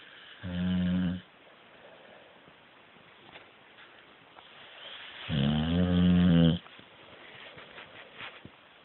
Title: Snoring puppy. my lucy.